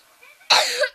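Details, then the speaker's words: Person who says they are coughing so much it feels like dying: a single sharp, forceful cough rising abruptly out of quiet room noise. "goofing so much it feels like i'm dying i'm coughing so much it feels like oh my gosh but by my god"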